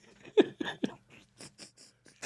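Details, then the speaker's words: An adult gives three harsh, hoarse cough bursts in quick succession: a horrible barking cough, self-suspected croup (untested) after a daycare contact tested positive. "I lost my voice I couldn't talk I had this like horrible barking cough"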